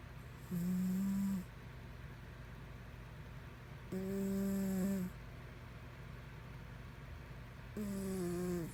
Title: Snoring Cat 4